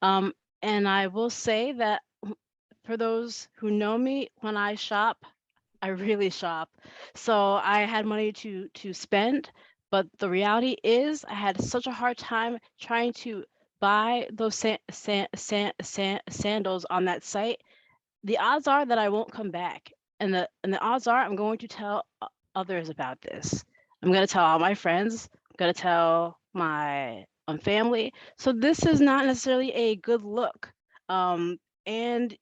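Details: Adult woman who has stuttered since she could talk, with stuttering present throughout; phrase repetitions heard here; stuttering.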